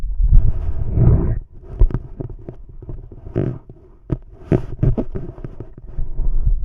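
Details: Male heart auscultated with a stethoscope diaphragm, moving through aortic, pulmonic, Erb's point, tricuspid and mitral/apex areas: normal heart sounds.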